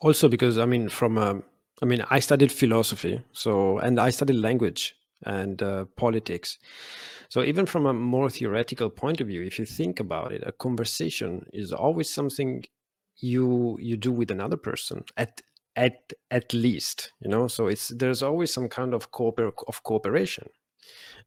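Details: Stuttering since childhood in an adult Italian man, treated with speech therapy as a child and adolescent; he calls it not severe and says he stutters more in Italian than English. Here he speaks English.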